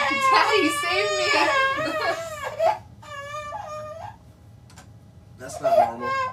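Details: 14-month-old girl crying in distress at activation of her bilateral Cochlear Freedom cochlear implants, the first time she hears sound: repeated wailing bursts with sobbing breaths and pauses, in a small room.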